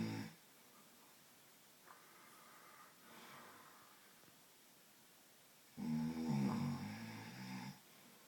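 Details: Loud, rattling, low-pitched snores separated by quiet breathing in a small room; an adult man (the recorder's father) snoring.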